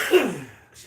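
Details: A single short, harsh throat-clearing cough from an adult, who mentions a possible respiratory infection, fading quickly into quiet room noise.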